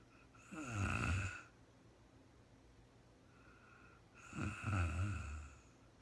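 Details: Real-time recording of a very tired woman sleeping and snoring: two deep, low, rumbling snores on inhalation about three and a half seconds apart, with steady room hum between.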